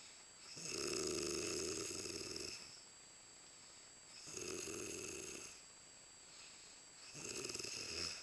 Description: She was snoring so loud i coudn't watch tv so i decided too annoy her till she woke.